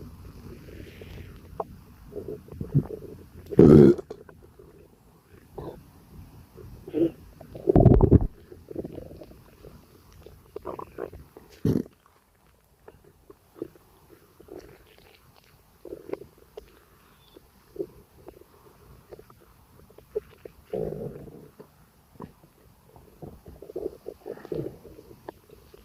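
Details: Gassy stomachache with gurgling stomach rumbles and several louder, low burps: eructation with borborygmi.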